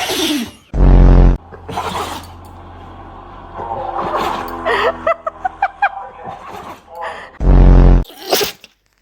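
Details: Dogs sneezing repeatedly: a run of short, sharp sneezes with loud bursts, mixed with music and background voices.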